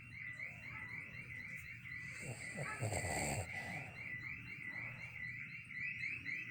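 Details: A dog snoring loudly in sleep with twitching eyes gives one low, rumbling snore, with steady chirping insects in the background.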